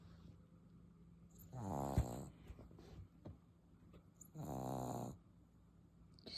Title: His snoring loud #puppy #englishbulldog